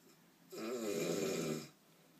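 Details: Adult man (a father) with very loud snoring during sleep, loud enough to wake the dog: a single loud, rattling snore of about a second on an in-breath, in a quiet room.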